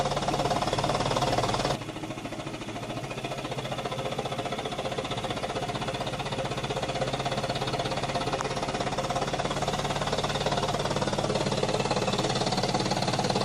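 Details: Female patient taking slow deep breaths during high-frequency chest wall oscillation vest therapy, coached by a therapist to cough as needed. Steady, rapid buzzing pulses, a few per second, loosening airway secretions.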